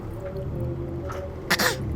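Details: A child deliberately fakes a cough that turns into real coughing: a single brief cough, possibly two quick bursts, over steady background music.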